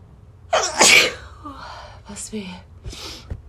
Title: Tickle my nose to sneeze